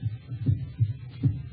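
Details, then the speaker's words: Regular low paired thumps, about 80 a minute, a simulated human heartbeat sound effect in a 1944 radio drama, described as the pulsating of a human heart. "that sound is the first and last sound in your memory it is the pulsating of a human heart"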